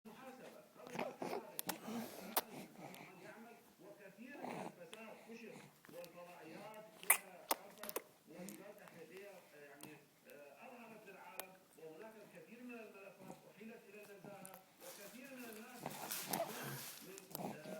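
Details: 4-month-old girl with stridor since 4 days old, which resolved on its own by 11 months; repeated high, musical, crowing noise while breathing; inspiratory stridor from laryngomalacia.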